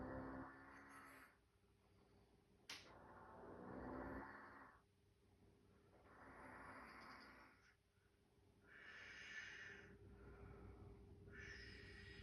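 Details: A mother asleep on a couch snores loudly and rhythmically, about five breaths in twelve seconds; early snores rumble and rattle, later ones turn hissy and whistling; snoring.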